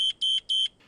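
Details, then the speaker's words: Parapac Plus 310 MRI-compatible transport ventilator low pressure alarm: three rapid high-pitched beeps signalling inflation pressure too low, as with hose or connection leaks. "if the inflation pressure is too low or the low pressure alarm sounds"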